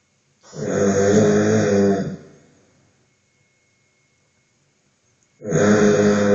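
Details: Heavy snoring during sleep, recorded for a snore-monitoring app: loud, rough, rumbling snores on the breath in, with a silent pause between them.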